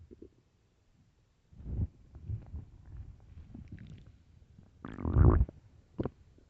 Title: early morning stomach growls (headphones) part 3